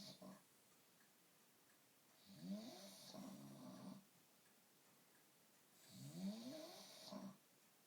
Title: Womble snoring